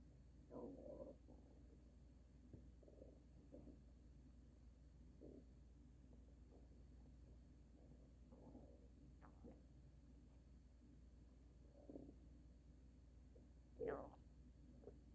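Irregular gurgling and rumbling bowel sounds, with a louder gurgle near the end, typical of borborygmi.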